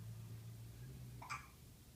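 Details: Infant at 48 weeks with hiccups: one short, sharp catch of breath with a brief voiced click against quiet room noise; single hiccup.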